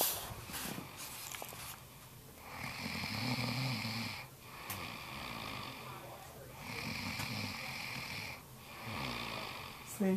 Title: snoring....